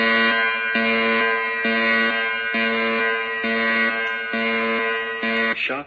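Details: Fully automatic AED without shock button, announcing "everyone clear, shock will be delivered" after rhythm analysis: steady repeating electronic warning tone, about 67 pulses a minute, before the shock; stay clear of the patient.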